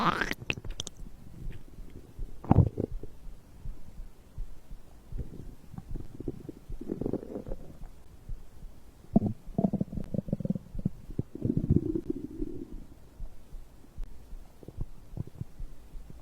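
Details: Bowel sounds after drinking a beverage: low gurgling rumbles and squelches come and go in bursts, ordinary stomach growling of digestion.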